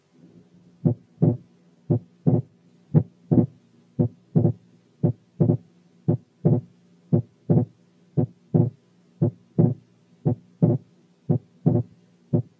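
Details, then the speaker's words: Complete right bundle branch block with wide splitting of the second heart sound that increases with inspiration; regular heart sounds near 58 per minute. "الحالة الثانية كانت complete right bundle branch block with wide splitting of the second sound that increases with inspiration."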